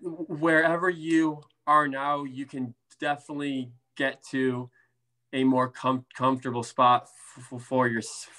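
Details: Adult man, a speech therapist who stutters, with blocks, prolongations, sound repetitions and interjections, and severity varying from day to day: stuttering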